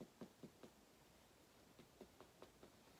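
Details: Abdominal percussion during a head-to-toe assessment: short hollow taps giving a tympanic note, as expected over gas-filled bowel.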